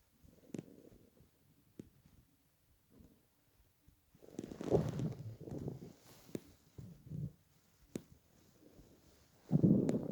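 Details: Stomach growling from hunger in a person lying on a bed after about 28–30 hours without food while dieting: quiet stretches broken by loud rumbling gurgles and growls from the belly (borborygmi).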